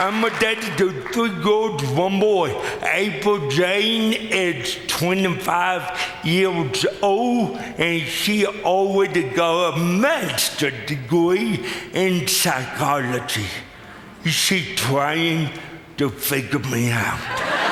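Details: Adult man with lifelong cerebral palsy; speech dramatically affected by the disability; dysarthria due to cerebral palsy.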